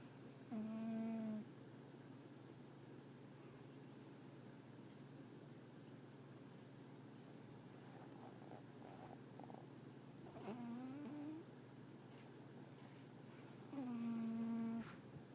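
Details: Pet cat snoring while napping: soft continuous purring broken by loud, whistling snorts on breaths.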